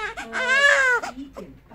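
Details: Newborn girl on her first day home from the hospital, hungry and crying for milk: a short, rising and falling wail with a small whimper after it; an ordinary newborn cry.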